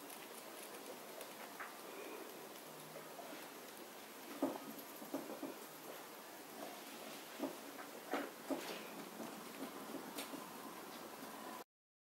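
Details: Pet rat grinding its teeth (bruxism), a sign of a happy rat that may also boggle its eyes: soft, irregular clicking and gritty ticking.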